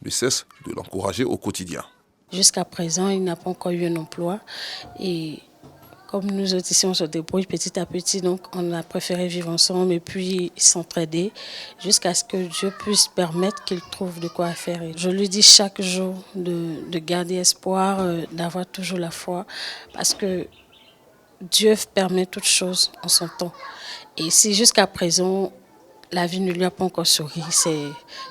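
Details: Adult woman speaking French; normal speech.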